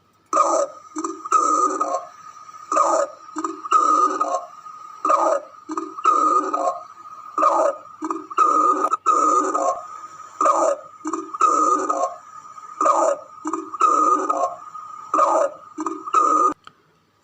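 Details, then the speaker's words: Hyperactive bowel sounds heard over the abdomen through a stethoscope in gastritis and intestinal inflammation: frequent loud gurgling and rumbling bursts. "والصوت اللي هنسمعه دلوقتي يمثل برضو الاستومك جيرجل رامبلينج ساوند، بس في حالة جاسترايتس والتهاب الأمعاء."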